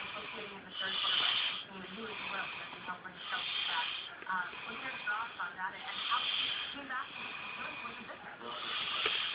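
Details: Person asleep: repeated hissing, rasping breath sounds, about four cycles in nine seconds, muffled and distorted; snoring.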